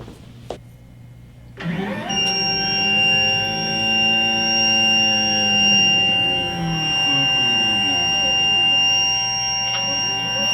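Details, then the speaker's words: Panoramic dental x-ray on an iMax Touch unit: after a brief quiet start, a steady high electronic tone with a mechanical hum sounds while the exposure button is held, until the x-ray finishes. "We will step out of the room and press and hold the exposure button until the exam has finished and you hear the actual x-ray, the beep of the x-ray equipment finish, and that's your cue to release the button."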